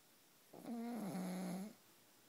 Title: Pug snoring